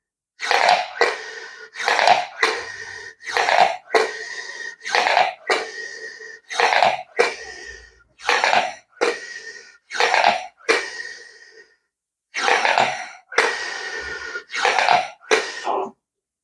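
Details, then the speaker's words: Incorrect Respiron Classic incentive inspiratory flow device technique: repeated short, forceful breaths with little pause and no full exhalation between them, recruiting accessory breathing muscles, which is not beneficial. "você começa a fazer desse jeito sem esvaziar por completo você começa ter contração de músculo acessório da respiração e isso não é benéfico"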